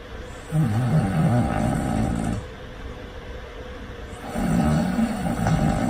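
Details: Loud snoring during deep sleep: two loud, low, rattling snores, each about two seconds long, with a quieter breath between them; heavy snoring.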